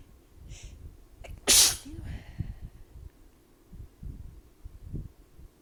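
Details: Adult sneezing after a shower went from hot to cold water, cold air and fan while damp; nose sensitive to temperature changes, plus allergies and cold rainy winter weather. One loud, sharp sneeze after a brief inhale, then sniffing and rustling.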